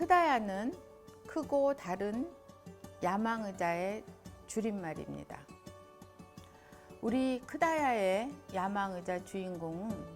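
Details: Adult woman speaking Korean; typical speech.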